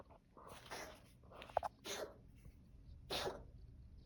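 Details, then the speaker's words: Cat Jack, owner suspects a hairball (tagged cat asthma), keeps swallowing: several short, harsh, breathy bursts in quick succession, a repeated dry cough; cat cough. "yeah he's got a hair ball that's oh he keeps like swallowing you okay bum"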